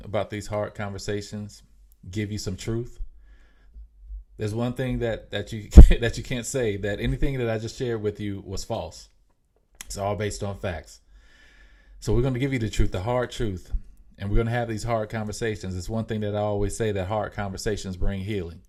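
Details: Mild, self-reported stuttering in an adult podcast host; stuttering.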